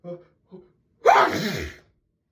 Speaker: Achoo! I need to sneeze so bad. Achoo! Achoo! Achoo! Oh, that's the spot.